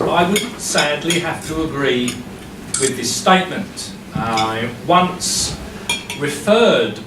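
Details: Adult male who has stammered since primary school, severely enough to control his life by his mid-40s; now uses a breathing technique and still stammers daily, though much less; stuttering.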